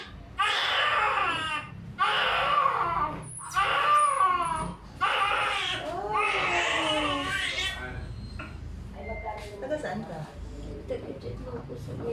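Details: Loud, vigorous wailing bursts from a newborn girl just after a normal vaginal delivery, the mother's second baby, with quiet room sounds behind; a normal healthy first cry.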